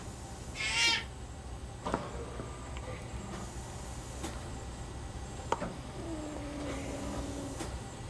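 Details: Vocalization from an infant just over one year old with Werdnig-Hoffmann disease (described as a type of muscular dystrophy) and oral floppiness. He is ventilator-dependent with a tracheostomy, the speaking valve has just been placed in line, and he has practised for a couple of weeks.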